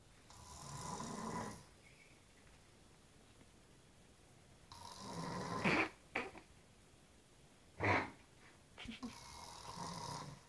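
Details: Snoring: breathy, rasping snores, each breath rattling and then going quiet, with a few soft snorts in between, in a quiet room.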